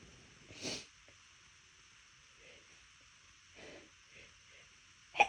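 Several soft, stifled bursts of air through the nose, ending in a sharper sneeze; held-back sneezes in a quiet room.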